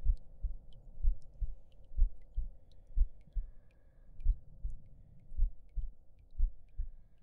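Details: Simulated heartbeat in an ASMR roleplay audio, soft regular paired thumps at about 60 beats a minute with a faint steady hum behind.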